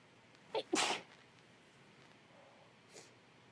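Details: Female sneezing with a cold during a long series of sneezes: a quick inhale, then one sharp, explosive sneeze and a faint sniffle afterward, in a quiet room.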